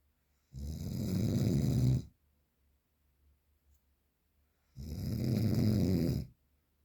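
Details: Real, unprocessed recording of very strong snoring: two loud, harsh, rattling snores on inhalation with quiet pauses between; heavy snoring pattern.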